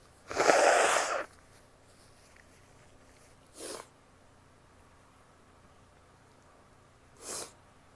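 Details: Female who is sick: one loud, explosive sneeze followed by two shorter nasal blasts, likely nose blowing or smaller sneezes, in a quiet room.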